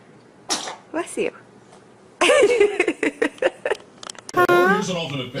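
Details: Small, short baby sneezes, then adult voices and a baby's squealing vocal sound; ordinary infant sneezing.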